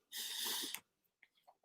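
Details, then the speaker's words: Single forceful, hissing sneeze from an adult woman ending in a sharp click, followed by faint room sounds; sneezing. "so can you hear mrs weather sneezing just wondering"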